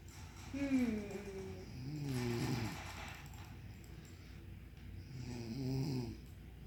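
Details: Soft, tonal, whistling snores with quiet pauses between breaths in a quiet room from a sleeping mother.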